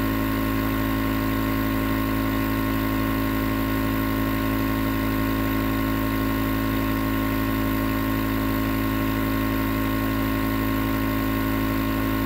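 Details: Continuous nebulizer compressor running, recorded as white noise for sleep: steady, unbroken mechanical hum with a constant hiss.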